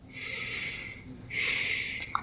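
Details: Normal vesicular breath sounds heard by stethoscope on the front of the chest of a 25-year-old during a simulated finals respiratory examination, with the patient taking deep breaths in and out.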